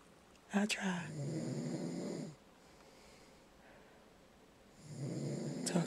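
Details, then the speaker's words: Adult husband asleep in bed snoring heavily, like a wild boar: two loud, rattling breaths with a quiet gap, about one snore every four seconds. "Listen to that. He sound like a wild boar. A wild boar. This is the stuff I have to go through at night."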